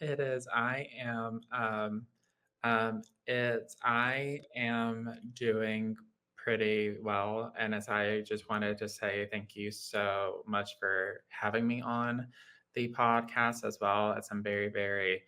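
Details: Adult man with lifelong childhood apraxia of speech, a neurological motor speech disorder affecting motor planning, rate and fluency: childhood apraxia of speech.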